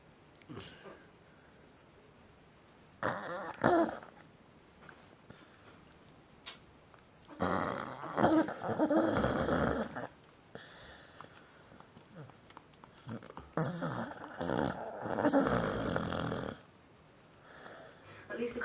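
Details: Irregular rasping, rumbling breaths in a quiet room, with louder bursts between softer stretches, from a sleeping dog: snoring.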